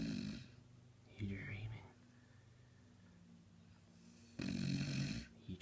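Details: Sleeping beagle, a few snorting, rattling breaths with quiet stretches between; dog snoring.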